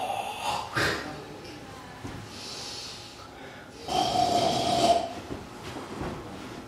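Noisy snorts and rough snoring breaths separated by quieter gaps, performed for comedy rather than true sleep snoring.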